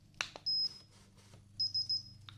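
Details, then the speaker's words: Simulated ear exam roleplay: an infrared temperature gun taking a reading on the forehead of a patient with clogged-feeling ears, giving a short high beep followed by a quick triple beep. "So, I'm just going to start by getting your temperature. I have this temperature gun that's going to go on your forehead. So, just stay still."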